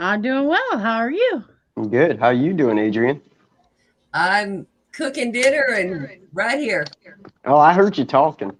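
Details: Adult speakers in conversation; normal speech.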